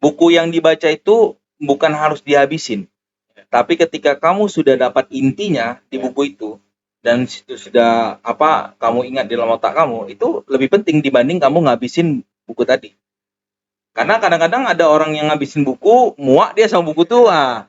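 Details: Adult male speaker; normal speech.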